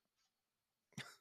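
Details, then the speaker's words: Cough from an adult man with a cough and sinus drip that make his voice hoarse, recorded during a podcast. "Terrible. I have a cough and a sinus drip, which is why I sound like I've been smoking a pack a day."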